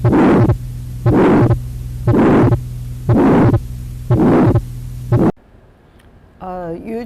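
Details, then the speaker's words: Lecture auscultation example of congenital heart disease, left upper sternal border: regular beats near 60 a minute with a harsh blowing systolic sound, a systolic ejection murmur of pulmonary or aortic stenosis, first part mild and short. "The louder the murmur is, more severe pulmonary stenosis or aortic stenosis. The first part of what you heard is a mild, like the short systolic ejection murmur."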